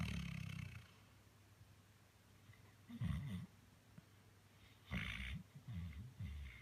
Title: Luggy snoring ❤️❤️